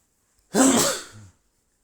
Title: Guess who's back! Loud male sneezes, Info about me in description